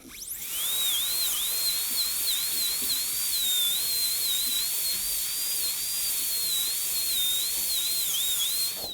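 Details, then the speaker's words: Dental handpiece drilling: steady high-pitched whine dipping and recovering as it cuts, rough occlusal clearance reduction toward 1.5–2 mm with a 1557 bur during gold onlay preparation on tooth #18. "so we'll refine the clearance there and we've got a little bit more to do"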